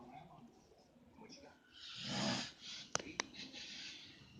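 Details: Adult hotel roommate asleep after staying awake the previous night, with a single loud, rough, rattling breath sound followed by a couple of clicks in a quiet room; snoring.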